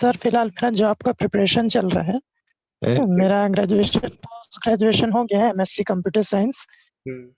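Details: Adult male speaker; puberphonia.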